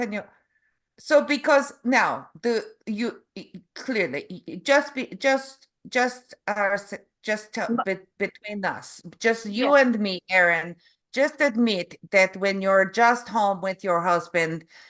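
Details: Adult Canadian woman with aphasia and apraxia of speech after a stroke in November 2023; foreign accent syndrome began after a further hospital episode in February, an accent she calls Eastern European; foreign accent syndrome with aphasia and apraxia of speech.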